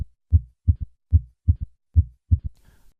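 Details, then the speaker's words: Regular low heartbeats with a soft extra sound just after the second sound: a third heart sound, a normal variant in children and young adults. "a third heart sound is usually heard with the bell of the stethoscope at the apex this sound occurs as a normal variant in children a third heart sound may also occur as a normal finding in young adults"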